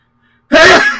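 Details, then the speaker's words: After a brief silence, a single sudden, loud, voiced burst fading quickly: one adult sneeze, heard during a video-game playthrough. "that was super loud so you guys good to hear that alright leave a comment if you heard the sneeze"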